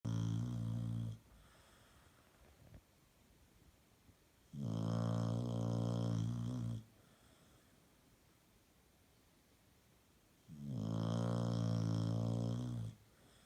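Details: Female dog napping after a hard day at play gives three loud buzzing snores, each about two seconds long, roughly one every five seconds with quiet pauses between; snoring in sleep.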